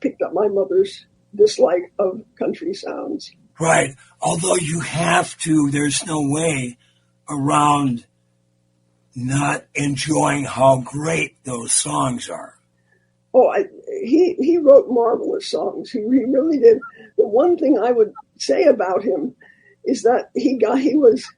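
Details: Elderly former singer who recently lost a vocal cord, not caused by the polio they had in 1948; voice changed from their singing voice; dysphonia after loss of a vocal cord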